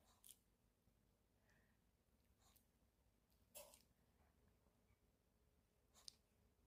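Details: Poodle puppy sneezing three times in a row: three short, sharp nasal bursts a few seconds apart in a quiet room.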